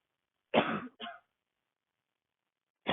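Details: Female dry, barking cough during a walk outdoors in cold air, throat tight: two harsh, dry cough bursts in quick succession, the second shorter.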